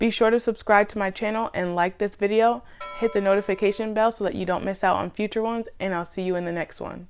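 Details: Adult speaker; Normal speech.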